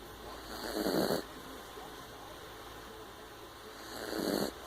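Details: Two soft, rough snores about three seconds apart over faint room noise from a sleeping puppy; snoring.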